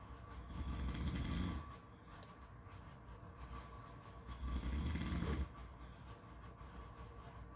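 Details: Snoring: two long, low rumbling snores on the in-breath with quieter pauses between them over steady background noise.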